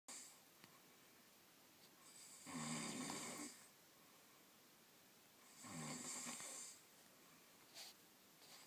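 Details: Snoring in a shared room at night: two long rasping snores about three seconds apart in a quiet room, roughly 19 a minute.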